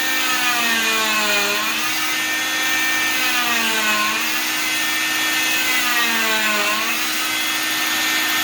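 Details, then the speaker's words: Oscillating cast saw univalving a cast on a patient's arm, one split across the top as ordered by the doctor, loud high-pitched buzzing that dips in pitch as it bites into the fiberglass; cast saw cutting a cast. "okay so we're going to go ahead and do a unit valve the doctors ordered just one split across the top we'll go ahead and do that real quick"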